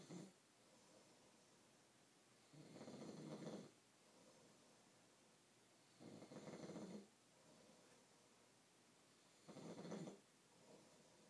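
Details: A person snoring: steady, rattling snores about every three and a half seconds, roughly 18 breaths a minute, over soft room noise.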